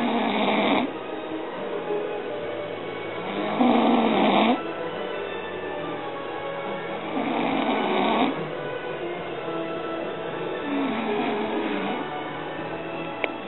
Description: This guy doesn't believe that he snores.